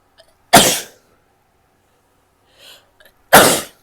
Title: sneezing, a bit of coughing and nose blowing